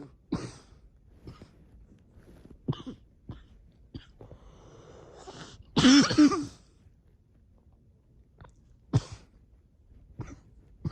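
An adult gives several short, sharp coughs and softer throat-clearing sounds, with one louder, longer, harsher cough midway. Finding: cough.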